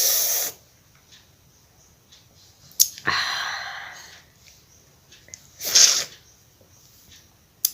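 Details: Loud hissing bursts of air, a long forceful expulsion and another sharp blast; sneezing with nose blowing during a sneezing challenge.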